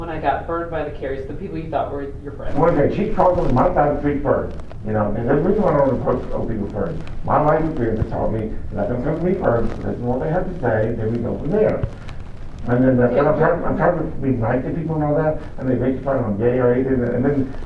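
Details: Person undergoing a competency evaluation who reports having a speech impediment of unspecified type; speech impediment.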